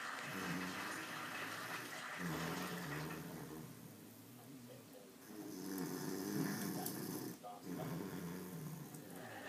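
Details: Snoring: low, rumbling snores recurring every few seconds over steady room noise.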